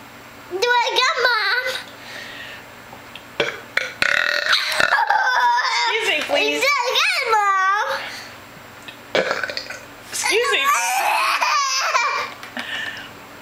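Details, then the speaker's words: Children deliberately burping in a burping and growling contest: loud, drawn-out voiced burps, some growled, between bits of speech, giggling and "excuse me please". "what was that Mom it was a little burp I'm sorry excuse"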